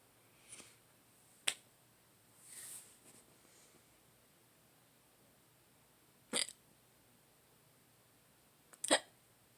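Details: Hiccups on waking in the early morning, possibly after drinking too much the day before; several sharp hiccups over about ten seconds with soft breaths between, in a quiet room.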